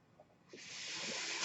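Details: Speaker's own mechanical ventilator during a spoken podcast: after a brief quiet moment, a steady airy hiss builds and holds as a breath is delivered.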